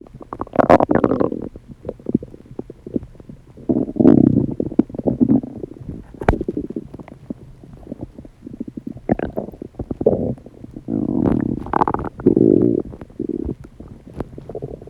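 Loud rumbling, gurgling stomach noises coming in bursts, ordinary digestive sounds of gas and fluid moving through the gut.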